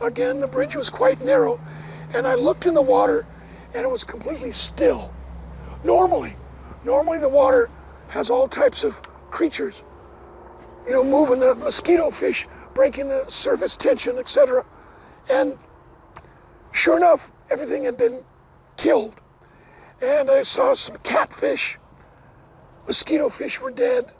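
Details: Adult man, never a smoker, with two bouts of vocal cord cancer (suspected secondhand smoke); one third of vocal cords removed in 2008, leaving raspy voice: dysphonia after partial vocal cord resection.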